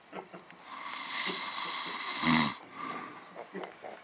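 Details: Friend fallen asleep before a televised UFC pay-per-view event: long breathy inhalations with one brief low rattling snore among TV sound; snoring during sleep.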